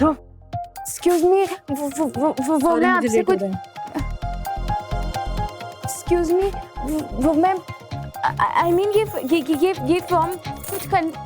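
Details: Acted TV drama portrayal of a young woman with a stammer, repeating words in Hindi; stuttering.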